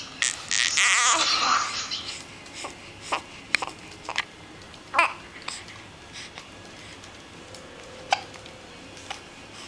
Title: Baby's Hiccups